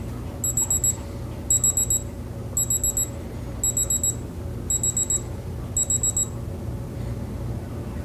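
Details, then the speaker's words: A digital thermometer held under the tongue gives six short, high electronic beeps about once a second over room hum as its reading finishes. This is from a physical exam of a female patient by a male nurse; the sublingual temperature read 36.6 °C. "you're going to take your temperature with this so just hold this underneath your tongue until it beeps okay"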